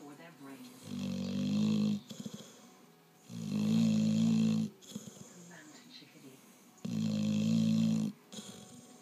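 Regular loud, buzzing snores on each breath in, with softer snuffling breaths out, about seven breaths a minute; snoring in a sleeping dog.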